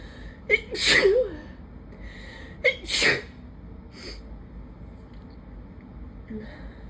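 Two loud, explosive sneezes about two seconds apart, each with a sharp intake of breath before it, recorded outdoors; an allergy sneezing fit.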